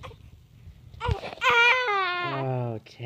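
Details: Brief wavering, clear high-pitched cry rising then falling over about two seconds; an infant cry.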